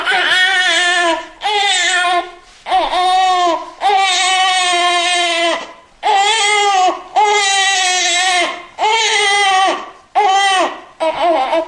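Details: Newborn baby crying from a sound-effect recording: nine loud, high-pitched wailing bursts separated by brief catch-breaths, a vigorous newborn cry.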